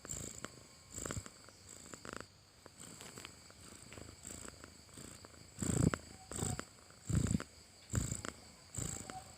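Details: A sleeping cat makes soft, rhythmic, low rumbles with each breath, resembling a purr; light snoring.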